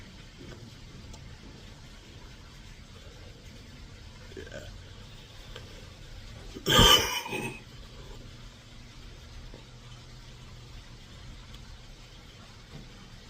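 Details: A Marlboro smoker craving nicotine gives a single harsh, throaty smoker's cough in a quiet room.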